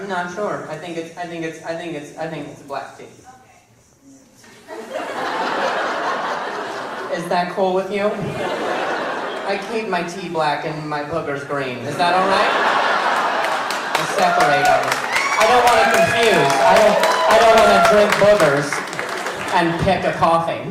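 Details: Male stand-up comedian who stutters, performing live; he says his stutter is the worst in a long time and he has involuntary sounds and tremors this week; stuttering.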